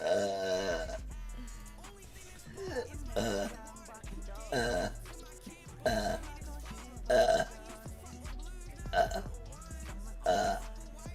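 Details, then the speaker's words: Woman burping deliberately, saying she doesn't know why she is burping so much: about six loud, voluntary belches in a series over background music. "Why am I burping so much? You know?"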